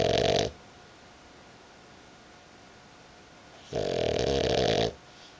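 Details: Dog snoring while sleeping on the owner's belly: two loud, rough, rattling snores separated by a quiet pause of about three seconds.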